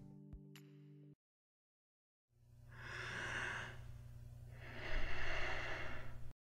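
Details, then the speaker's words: Simulated bradypnea: slow, drawn-out breath sounds with long gaps, an abnormally slow breathing rate, a low-frequency pattern associated with obesity and alcoholism. "Next we have bradypnea, which is the low frequency breathing pattern that we see in obesity and alcoholism."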